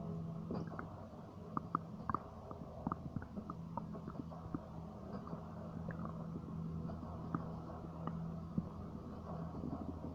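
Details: Low gurgling and rumbling with scattered soft pops and clicks; ordinary stomach rumbling (borborygmi) from gas and fluid moving through the gut.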